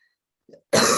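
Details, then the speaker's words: Adult woman with a recurring cough after a strong reaction to a COVID vaccine gives a single abrupt, forceful cough burst, preceded by a faint throat sound; cough. "so my covert cough is back i know it sounds like i'm dying but i'm fine"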